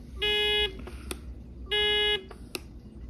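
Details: Two long electronic beeps with clicks between from an Athena GTX WVSM portable patient monitor; thought an alarm, but per the manufacturer likely the find/locate button beep with display flash.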